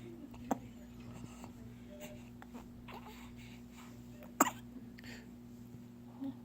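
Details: Two sharp, abrupt, strong hiccups from an infant, about four seconds apart, over a steady background hum; hiccups.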